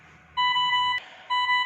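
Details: Dräger Evita XL compressor-based ICU ventilator on air and oxygen: steady electronic beep tones in two bursts separated by a pause and a click, heard as the standby key is pressed during setup.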